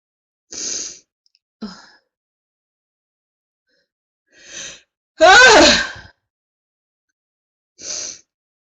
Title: woman has a prolonged sneezing fit